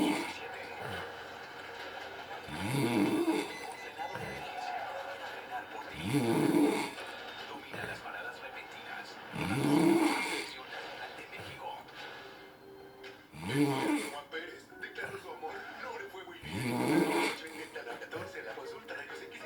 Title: Good old sleep, good old snore